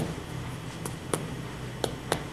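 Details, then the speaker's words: Stony dull percussion note over the right chest in a right pleural effusion: four short, flat taps with no ringing. The left side is normal, with absent breath sounds over the right lower chest. "On percussion, compare the percussion notes on both sides. It is stony dull over the right side,"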